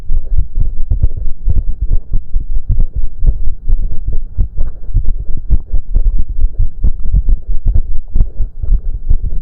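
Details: Male's heartbeat during a 30-minute cardio workout with heavy breathing: fast, strong low thumping at roughly 140 a minute with steady throbbing, exercise-induced tachycardia.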